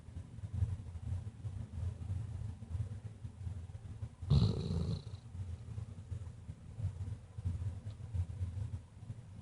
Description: Our weimaraner Dutchess passed out snoring opens her eyes then right back to it lol